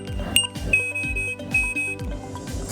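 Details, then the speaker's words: Vyaire ReVel portable ventilator during setup: high-pitched electronic alarm tones and beeps while its alarms are tested and all light up; ventilator alarm test. "alarm and we're checking it so everything lit up just to make sure"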